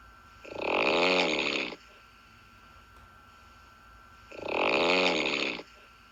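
Two loud, harsh, rattling snores about four seconds apart, each lasting over a second, with quiet breathing between.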